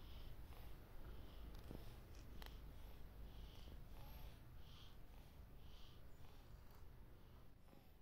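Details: Tortoise breathing with effort: soft, repeated squeaky hissing breaths over a low rumble, a sign of respiratory trouble; labored breathing (dyspnea).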